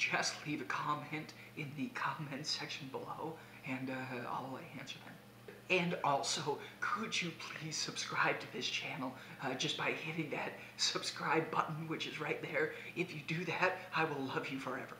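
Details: Conversational speech from an adult man with abductor spasmodic dysphonia, recorded during days three to five of a spasmodic dysphonia vocal clinic on a day his voice was not sounding well at all.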